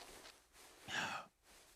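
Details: Simulated gasp from a cartoon character (Sunny Bridges, Class of 3000) with a cold: a single sharp, breathy intake of air between quiet breaths.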